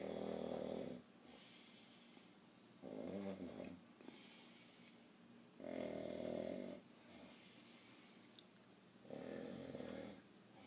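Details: Snoring from a man who says he doesn't snore.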